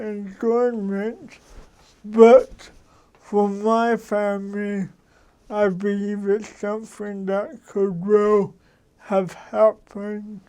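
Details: Dysarthric speech from an adult man with cerebral palsy.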